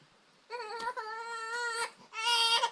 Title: baby crying